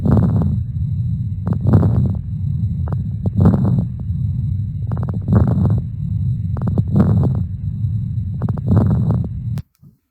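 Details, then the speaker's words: Lung crackles (rales), sounding like air moving through thin water, taught as a sign of fluid backing up into the lungs from left ventricular failure; low muffled breath sounds with brief crackling pops each breath. "okay water rails or crackles again the correct nomenclature today is crackles but you may hear older Medics older people in in medicine refer to them as rails and again rails are crackles sound like air that's moving through thin water"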